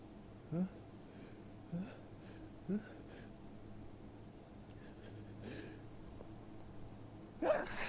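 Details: Several catching breath gasps, then one forceful sneeze over room hum, in the morning in a person with ragweed hay fever after heavy rain; sneezing from allergic rhinitis.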